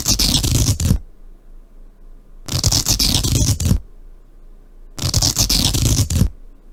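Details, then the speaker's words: Coarse crackles in the lungs: three noisy breaths with loud, low-pitched, short popping crackles, lower in frequency and louder than fine crackles, like Velcro being pulled apart. "이제 코 아스코 라크 른 이제 상대적으로 조금 더 소개가 시작하죠 크고요 이제 파인 보다는 좀 크고 대신에 이제 음 조금의 높낮이는 조금 더 낫죠 그러니까 프리퀀시 가도 낮은 거죠 그리고 이제 역시 짧게 나는 소리 고요 마치 조 벨크로 그러니까 우리에게 찍찍이 같은걸 이렇게 깨었다 붙였다 할 때 그 다는 소리 있죠"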